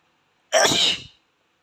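A single sharp, explosive sneeze with a brief trailing breath.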